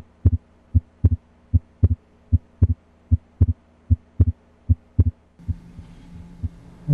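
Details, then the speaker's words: Systematic diaphragm auscultation starting at the aortic area, right second intercostal space: regular paired lub-dub heart sounds at about 76 beats per minute; normal S1 and S2. "again s1 is laos at the apex and s2 is largest at the base of the heart"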